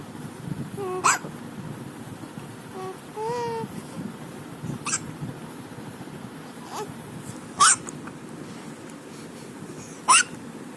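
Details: One-month-old baby; several brief, sharp hiccups a few seconds apart with faint baby sounds and room noise: infant hiccups.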